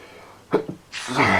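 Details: Pollen allergy sneezing: a quick double burst followed by a loud voiced hissing exhalation; sneezing.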